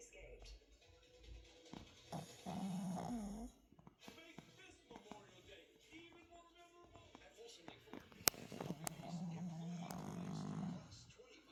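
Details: Snoring: two long, rough, low snoring sounds separated by quieter breathing, with faint room noise and clicks.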